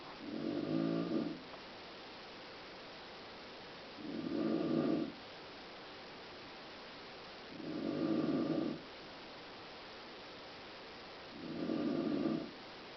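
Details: Mother snoring during sleep: regular low, rattling snores about once every four seconds, roughly 16 a minute, with quiet breathing gaps between.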